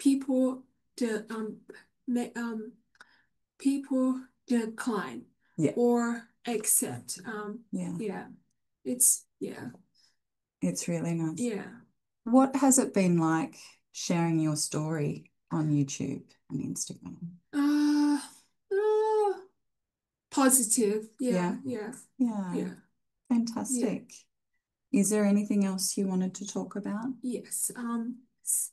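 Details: Aphasia following a stroke six years earlier, with six months in hospital afterward; he reports difficulty speaking and has not read anything in six years.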